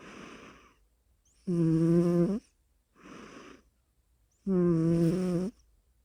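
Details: Snoring in a person: rhythmic breathing about 20 breaths a minute, a soft airy breath alternating with a loud, buzzing, tonal snore each cycle, in a quiet room.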